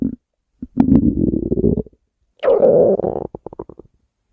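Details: Stomach growling recorded while she sleeps: two loud, drawn-out gurgling growls ending in bubbling pops; ordinary borborygmi.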